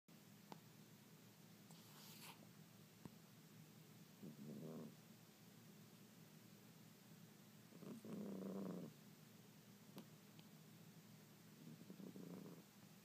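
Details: Pet cat sleeping: soft, rumbling snores about every four seconds, roughly 16 a minute, over faint room noise; ordinary snoring.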